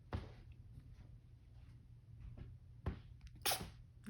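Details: Three small, sharp sneezes over a few seconds in a quiet room from a 7-week-old kitten after playing next to a dusty bag; sneezing.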